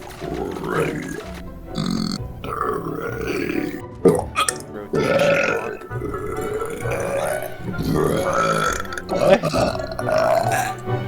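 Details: Compilation of one man's burps recorded over several months: long, loud, drawn-out belches in close succession, with faint music in the background.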